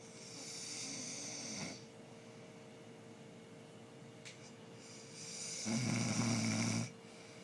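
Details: Adult man (uncle) snoring: two long, rough snores about four seconds apart over a steady background hum.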